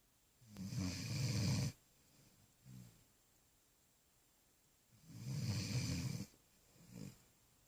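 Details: Sleeping puppy snoring while dreaming: two long, low, rattling inhalations, each followed by a soft snort on the out-breath, about 13 breaths a minute.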